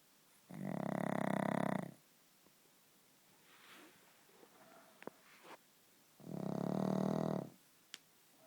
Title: Pug snoring